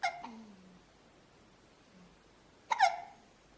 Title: Hiccups - Style